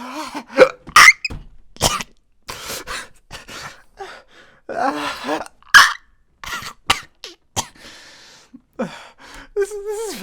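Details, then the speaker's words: Repeated squeaky hiccups: sharp, abrupt throat sounds at irregular intervals, with gasps and brief voiced noises between them. "*sounds of dying inside* *SQUEAK* *continued dying inside*"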